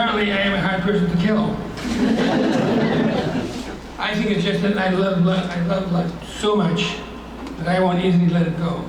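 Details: Hypokinetic dysarthria (Parkinsonian speech) in a retired male teacher with progressed Parkinson's disease who has had deep brain surgery.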